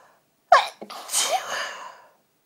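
A short intake of breath, then one sharp explosive sneeze with a trailing voiced release; a single ordinary sneeze.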